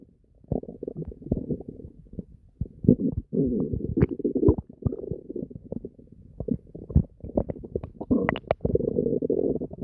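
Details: Bowel sounds (borborygmi).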